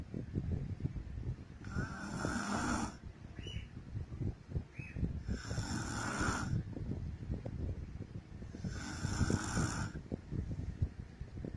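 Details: Adult woman (wife) snoring during sleep, from old home recordings: three long rasping snores on the in-breath, roughly every three to four seconds, quiet breathing between, room noise; snoring.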